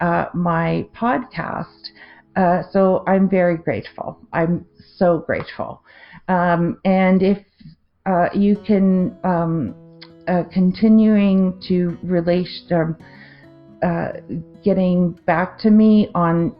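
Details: Adult woman with a 2023 stroke affecting the left-brain language centre, with word-finding difficulty, confusion with words and trouble forming sentences; non-fluent aphasia after stroke.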